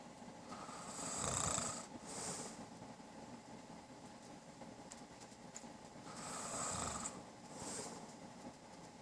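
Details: Husband's long-standing loud snoring, endured by his wife for almost 13 years: two slow, noisy breaths about five seconds apart, each with a rough rattling inward phase and hissy outflow; snoring.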